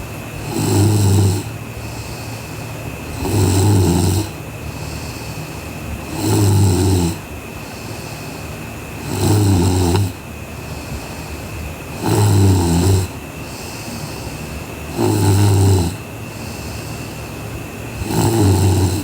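Loud, regular rattling snores, about 21 a minute, seven in a row, over a steady background hum.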